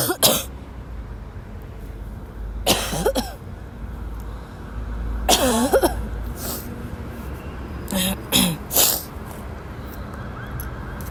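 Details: A sick young woman who woke up ill has a violent dry coughing fit in class: harsh, forceful coughs in repeated bursts with throat clearing and no recovery between.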